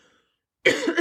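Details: Adult woman recovering from laryngitis after vocal rest: after a short silence, a quick run of three or four harsh coughs in a small room. Finding: cough.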